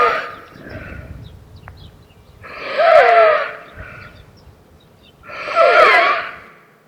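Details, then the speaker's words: A patient who cannot speak, short of breath and on oxygen, makes loud, harsh, high-pitched inspiratory noises about every three seconds; this is stridor from an upper airway problem. "right what can you hear a strido Oh. Yes. That is a strido. How do you differentiate strido from a v? Strido is a inspiratory high pitch sound whereas v is a expiratory high pitch sound."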